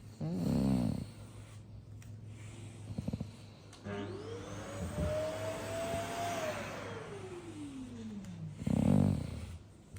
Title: #Bassethound Beauty Day, I snore contentedly😁